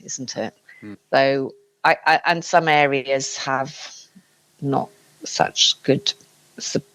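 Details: Aphasia after a stroke in an adult man, speaking in conversation.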